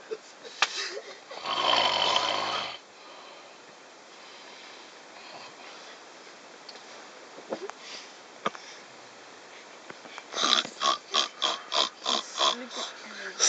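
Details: Person sleeping on the Trans-Siberian train in Russia, 2011: loud rattling snore, then quiet breathing and short snorting breaths over steady travel noise; snoring.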